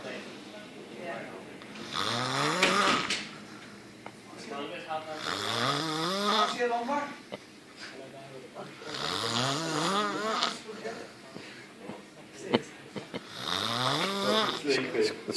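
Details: Loud, rattling, rising snores about every four seconds with some room noise; heavy snoring.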